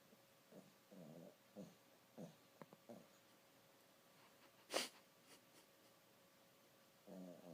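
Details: Sleeping dog: soft, short snorting snores and breaths, with one louder snort; light snoring.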